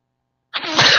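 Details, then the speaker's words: An adult sneezes during a tabletop role-playing game session. A sudden, sharp, hissing burst of air comes after a moment of silence and is cut short, then the speaker says "I sneezes when I want to": sneeze. "I sneeze when I want to"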